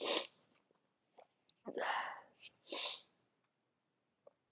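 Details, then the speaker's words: Several quick, breathy, acted sneezes in a quiet room from a girl saying she has been sneezing all day and insisting she is not getting sick but allergic. "I've been sneezing like this all day. But as I established earlier today, I am not getting sick."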